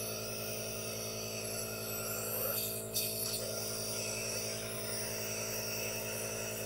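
Steady hiss with a constant low motor hum and a brief rustle; a nebulizer running.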